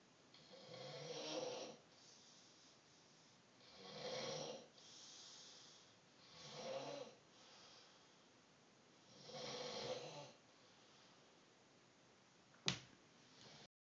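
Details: Sleeping animal: rough, rattling snores on each breath, about four in ten seconds, with quieter breathing between them; snoring.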